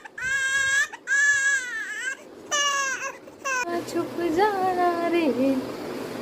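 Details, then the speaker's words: 5-month-old exclusively breastfed baby boy crying to sleep after playing: loud, high-pitched bursts with rising and falling pitch, then mother's soft lullaby singing; sleepy infant cry. "यह थोड़ी देर खेलता है फिर फिर सोने के लिए रोने लग जाता है तो ऐसे लोरी गा के सुलाती"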